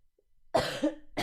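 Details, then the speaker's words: Cough from a 24-year-old streamer who says coughing keeps them from singing after a concert the day before: a single harsh cough burst, with the start of another cough at the end. "i can't sing because i cough that's why i shouldn't have been to the concert yesterday"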